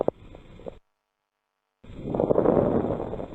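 Simulated lung sounds: a burst of dense, dry, scratchy crackling during inspiration after a brief pause; dry crackles typical of pulmonary fibrosis.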